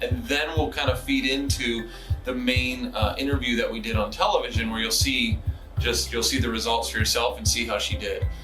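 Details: Adult man; typical speech.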